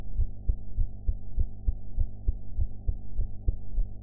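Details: Heart sounds recorded after eating, sound quality enhanced; regular low thumping heartbeat at about 100 beats a minute over a steady background hum.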